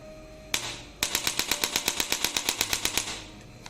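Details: Single clicks, then rapid, sharp, regular clicking impacts at high speed: a digital electric chiropractic spine adjusting gun (up to 1100 N) with its second attachment running in the third mode, with more power and speed.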